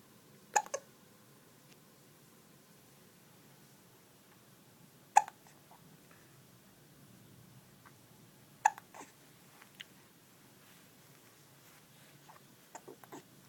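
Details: Four short, sharp hiccups spaced several seconds apart, about 17 per minute, from a young boy who has hiccups, in a quiet room.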